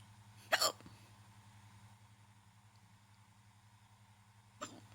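Two abrupt, sharp hiccup sounds about four seconds apart against steady low background hum; hiccups.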